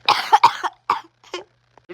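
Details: Adult coughing fit lasting about three minutes: several sharp, harsh coughs in quick succession, repeatedly interrupting speech.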